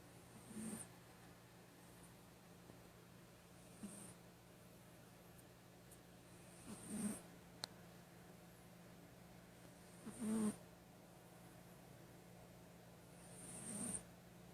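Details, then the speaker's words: Pet cat sleeping: soft, light snores about every three seconds, near twenty breaths a minute, over faint room hum; gentle snoring. "Sable, you're snoring. You were snoring."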